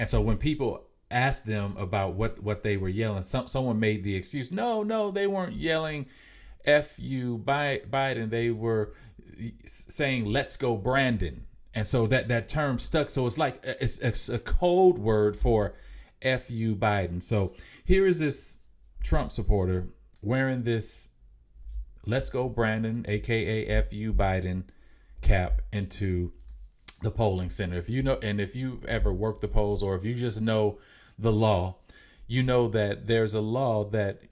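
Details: Mild self-reported stuttering in an adult male podcast speaker.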